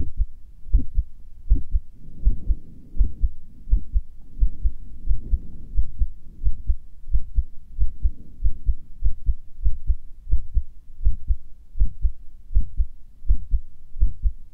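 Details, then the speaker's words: Self-recorded carotid pulse at the neck, which the person says is beating unexpectedly fast: a steady, fairly quick thumping at about 88 beats per minute, a regular heartbeat. "sorry if my heartbeat is fast, because I don't know why it's beating fast."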